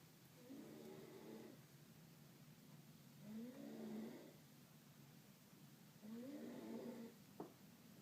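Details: Adult woman (a wife) asleep, recorded to prove she snores: three soft, rumbling snores in eight seconds, each on an in-breath, about twenty a minute, in a quiet room; snoring.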